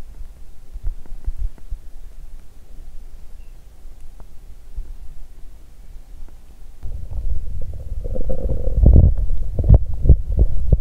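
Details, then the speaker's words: Active bowel sounds from an adult woman's abdomen on day 2 of her period, with abdominal pain spreading across the whole belly. Low gurgling and rumbling, quiet at first, then louder churning bursts at the end. ""こっち側が痛い…"。"こっちもお腹がゴロゴロ鳴っている！"。"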